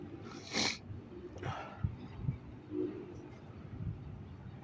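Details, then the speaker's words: One sharp, wet sneeze recorded up close after tickling the other nostril, sprayed widely, followed by sniffing and room noise; sneeze. "Let's try the other nostril. Oh, I have to sneeze."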